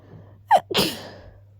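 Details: Person who is a little sick, with a very stuffy nose: a quick in-breath followed by one sharp, explosive sneeze.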